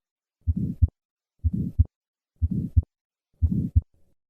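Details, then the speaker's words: Still's murmur, an innocent murmur very common in young children and best heard at the cardiac apex: four slow heartbeats, each with a soft humming murmur between the first and second sounds. "Примером может служить так называемый шум Стилла, который очень часто встречается у маленьких детей и лучше всего слышен на верхушке сердца."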